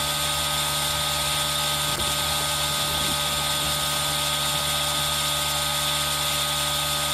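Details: Steady loud hissing, buzzing motor noise with a constant whine from an aerosol nebulizer running continuously, blended with rain sound for ASMR, recorded on a Zoom H1n.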